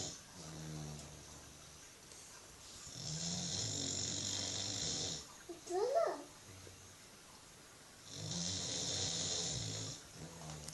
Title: British bulldog snoring